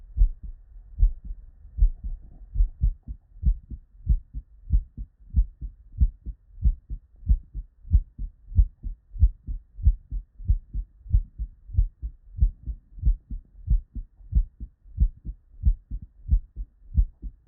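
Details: Real, unedited human heart sound recorded at the bedside: regular low lub-dub beats at about 94 a minute, crisp first and second sounds with no extra noises; normal heart sounds.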